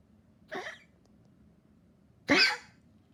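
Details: Dog that became weaker and kept coughing non-stop: two short, harsh coughing bursts separated by quiet; repeated cough.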